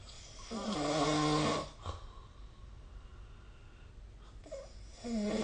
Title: 🐽 Snoring Sleep Sound